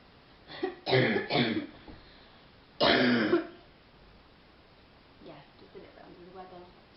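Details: Young woman with a real, deep, chesty cough, worse at night lying down, coughing during a phone call: several harsh, throaty cough bursts and throat clearing, three of them loud, then quiet muffled talk.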